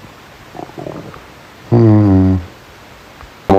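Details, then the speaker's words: Stomach growling (borborygmi) from an adult man during a live chat, audible enough that he remarks he can hear his stomach himself. "God, even I can hear my stomach now. This is not good."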